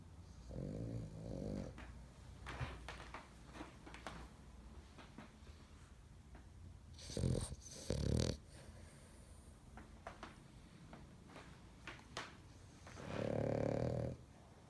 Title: French Bulldog Super Snore